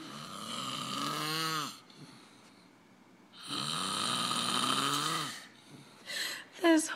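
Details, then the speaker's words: Adult man, reportedly drunk, snoring loudly during sleep at 4:20 a.m.: two long, rattling snoring breaths separated by quiet pauses, followed by brief noise. "can you believe how freaking crazy loud he is I mean I heard it from my bathroom and I'm all the way across the house"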